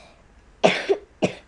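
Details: 9-year-old boy coughing in the background during a Chinese story-time reading, with a train sound also audible.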